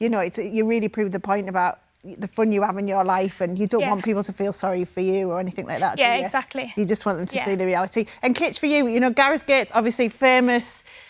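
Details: Adult woman speaking; normal speech.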